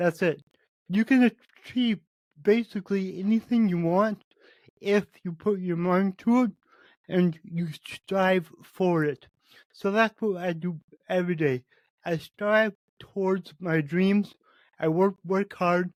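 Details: Adult man with cerebral palsy, which he says affects every muscle in his body; he reports his speech is much better than 8 months ago and improving as his health improves; dysarthria associated with cerebral palsy.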